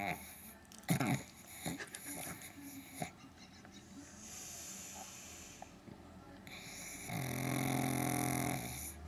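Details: Pug sleeping on a sofa and snoring.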